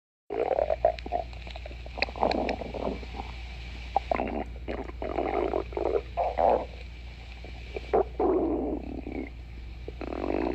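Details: A person's stomach growling: irregular gurgling, bubbling and low croaking rumbles in bursts over a steady low hum (borborygmi).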